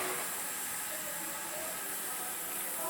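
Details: High-flow nasal cannula setup with humidifier, flow meter rated to 70 L/min, started at 50 L/min and 100% FiO2 on the blender: steady, loud, unbroken rushing hiss of high-flow oxygen.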